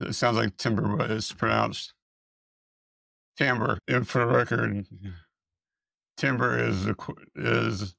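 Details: Person with multiple system atrophy whose airway tests (video polygraphy or endoscopy) showed vocal cord paralysis and dysfunction; speaker reports being unable to say the word "timbre"; dysphonia and dysarthria from vocal cord dysfunction in multiple system atrophy.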